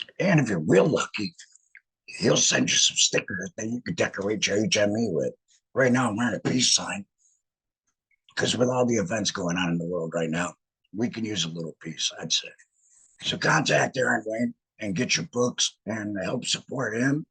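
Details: Alaryngeal speech after laryngectomy in a male laryngectomee who regained the ability to talk about a month before starting to speak publicly in this format.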